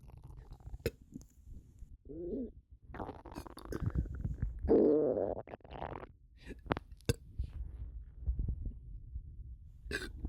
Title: Bloated stomach sounds and burping